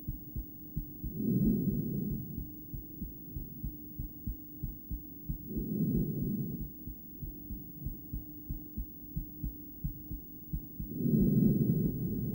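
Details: Adult female's heart via stethoscope during breathplay, intermittent bigeminy: paired uneven beats and a pause, one long pause noted, over loud breathing from a suboptimal stethoscope spot.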